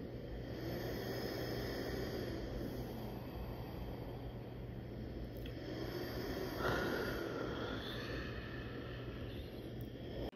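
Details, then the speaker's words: Steady low motor hum with soft airflow hiss swelling on exhalation from a Snore Circle YA50 CPAP machine without silencer, used by a snoring adult with sleep apnea and a deviated septum; claimed 37 dB, yet loud at night. "这个声音虽然号称是37分贝啊，然后阿肥这个版本是没有消音器的版本，说有消音器会再减少10分贝，但是啊，其实在那一种半夜若真可闻的这个情况底下，他的声音其实蛮大声的呢。"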